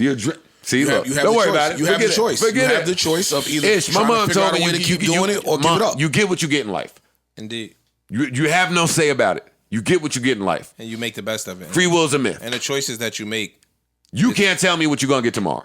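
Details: Adult male speaker; no voice disorder.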